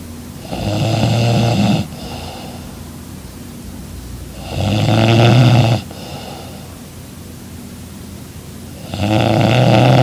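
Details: Young woman snoring loudly in her sleep beside her boyfriend: loud, rough snores on breaths in, three in ten seconds (about 14 a minute), with quiet out-breaths between.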